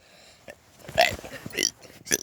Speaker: Since you absolutely loved the last two burping the alphabet videos with the funny dance, I am doing a third one.